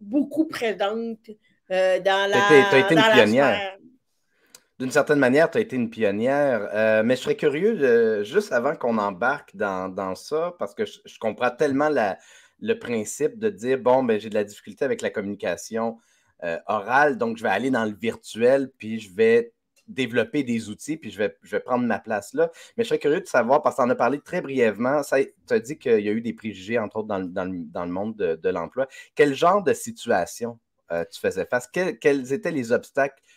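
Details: Adult male interviewer; Typical speech.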